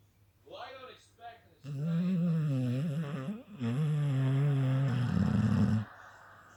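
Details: Staffordshire Bull Terrier (staffy) in deep sleep: loud, drawn-out groaning, rattling breaths with a moaning vocal quality: heavy snoring.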